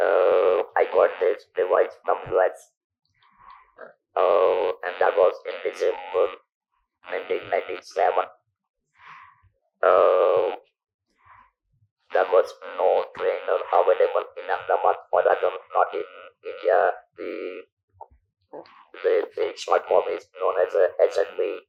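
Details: Male survivor of stage 4 vocal cord (throat) cancer since 1997, natural voice lost after surgery, about 10,000 days since; speaks using an electrolarynx device; electrolarynx speech.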